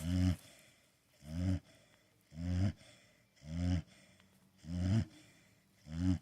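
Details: Blue pit bull dog sleeping: deep, rhythmic rumbling snores on each breath, about 52 a minute, with quiet pauses between; snoring.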